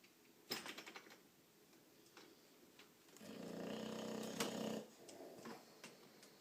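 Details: Sleeping bulldog, a flat-faced breed; one loud, rattling inspiratory snore with quieter snuffling and clicks around it; snoring.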